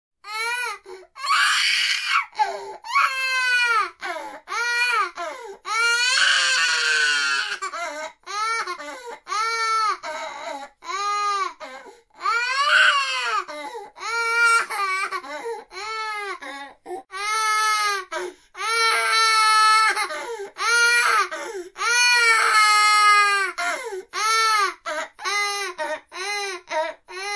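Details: Baby boy crying sound effect: repeated loud, high-pitched wails with brief gasping breaths between them.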